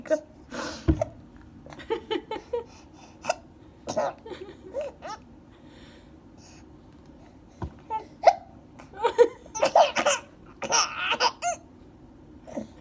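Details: Baby with hiccups: short, sharp catching sounds recurring among laughing and babbling vocal sounds, consistent with infant hiccups.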